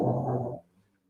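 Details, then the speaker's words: Pug snoring under a table in the background: a single low, rumbling snore lasting about half a second. "Oh, that's my pug. That's my pug snoring."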